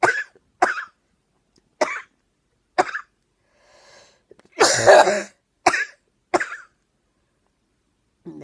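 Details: Adult with a 12-week cough producing clear white foamy sputum, triggered by talking, exertion or air conditioning; suspects viral pneumonia, unconfirmed: about seven repeated cough bursts with faint breaths between; chronic productive cough.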